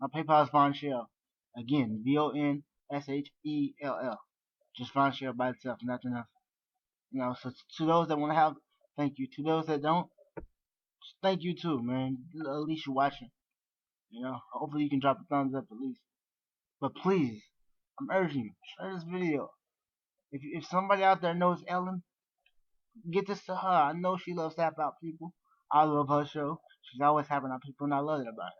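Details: Dysarthric speech in an adult man born with severe cerebral palsy, wheelchair- and bed-bound after many hip surgeries.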